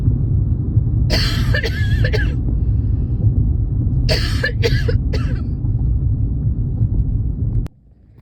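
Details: Mild cough from weather/seasonal change, person not sick: two short bursts of dry coughing, each a few quick coughs, over steady low rumbling background.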